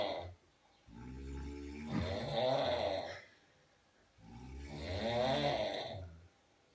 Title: 2 men who are snoring like cows (must watch)😂😂